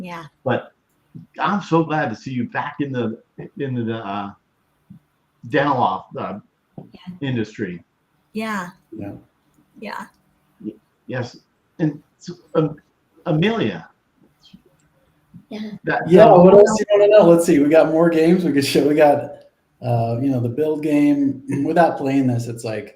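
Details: Woman with global aphasia affecting expressive speech after a severe stroke in 2020, still having word-finding difficulty; post-stroke aphasia.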